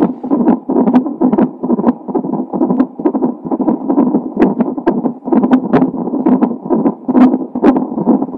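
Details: Fetal heart tones of a baby with Down syndrome, recorded a few hours before birth: rapid whooshing rhythmic pulses at about 130 a minute through monitor hiss.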